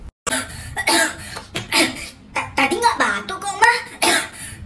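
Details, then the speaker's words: Child in an Indonesian comedy skit gives a series of short, harsh, acted coughs, some running into voiced sounds, after being told coughing means no ice cream. "beli es krim kan kamu batuk batuk tuh kan bener batuk"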